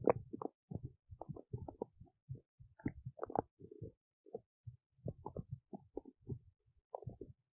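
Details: Belly while digesting oats: continuous bubbly gurgles and low squeaky rumbles in quick irregular bursts. Active bowel sounds (stomach rumbling) of digestion.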